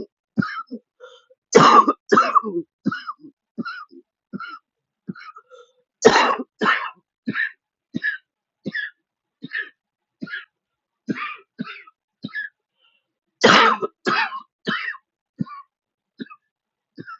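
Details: Adult wheezing who could not use their inhaler properly: repeated short hacking coughs with a few harder bursts in an unbroken run, cough wouldn't stop; persistent cough.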